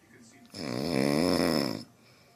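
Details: One long, loud, rumbling inhaled snore lasting over a second, with a steady buzzing tone, from a rhino; animal snoring.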